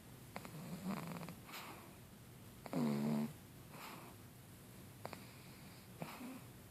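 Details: A pug gives soft rattling breaths with one louder snorting, voiced inhalation against room hiss; short-nosed dog snoring.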